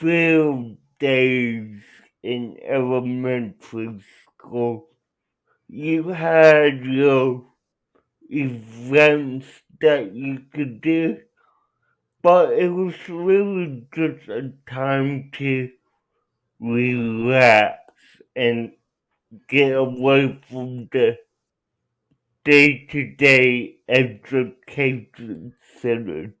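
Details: Adult with cerebral palsy; dysarthria.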